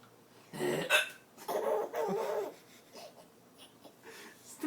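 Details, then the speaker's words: Adult man with hiccups while feeding his young son yogurt; a few abrupt voiced hiccups mixed with the child's laughter in a quiet room. "he's laughing at daddy's hiccups shut up it's not that funny"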